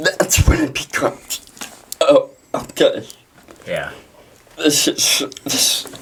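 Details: Dysarthria in a 23-year-old man with cerebral palsy.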